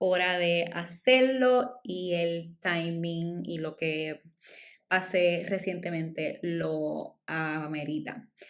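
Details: Adult woman speaking Spanish, stuttering since childhood; she says it shows less when recording alone and is stronger in Spanish than in English; stuttering.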